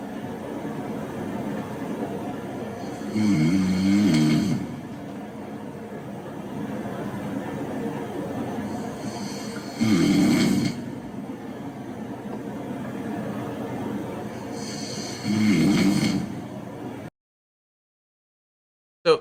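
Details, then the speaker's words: Three rough snores recur at an even pace over steady breath noise, continuous with no apneic pauses: simple snoring without sleep apnea. "that one's a bit more continuous all right maybe I mean most people can't look at a sound wave and know what it's going to sound like but that's what the more continuous nature of isolated snoring is by itself"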